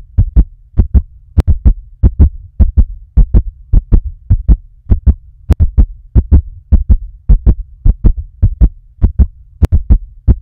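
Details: Fast heartbeat: strong, paired lub-dub thumps at about 105 beats a minute in a steady rhythm.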